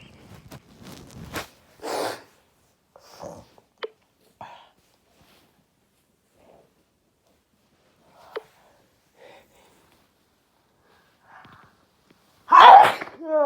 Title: Big sneezes